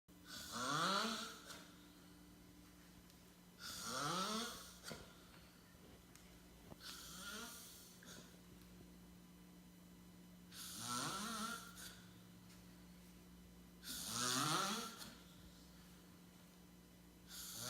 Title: snoring in the living room